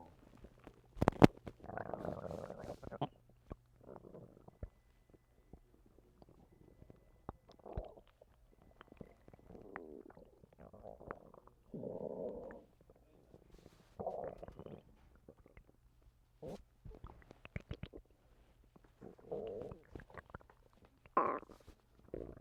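Repeated gurgling and bubbling bowel sounds with short squeaks and pops, spaced irregularly: ordinary stomach rumbling, a normal digestive sound.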